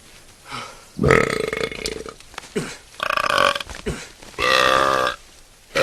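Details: Burping in a compilation of movie scenes: three long, loud, rumbling belches in a row with brief pauses between them.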